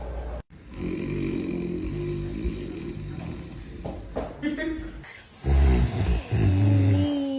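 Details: Father asleep, heavy snoring: loud, drawn-out, buzzing rattles with a droning, machine-like tone, then snorts, with some room noise.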